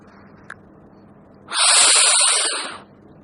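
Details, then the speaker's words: Respiratory therapist demonstrating dry powder inhaler technique, mouthpiece sealed with the lips: a click, then a quick, deep, forceful hissing inhalation lasting over a second, followed by a 10-second breath hold. "I place this in my mouth sealing it with my lips I inhale the powder quickly and deeply like the dry powder inhaler that I showed before"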